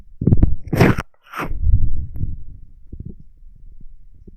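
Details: Person lying down: low gurgling and rumbling bursts with brief squeaky, whooshing gas movements, fading to soft irregular gurgles; ordinary stomach rumbling (borborygmi).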